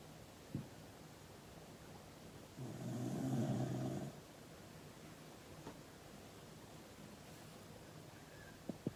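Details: Loud dog snoring: one loud, low, rattling snore lasting about a second and a half against quiet room noise.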